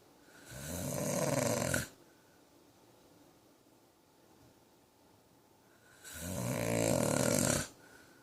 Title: Snoring Man